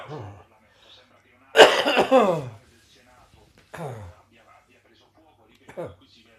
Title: Residual Bronchitis Coughing and Wheezing.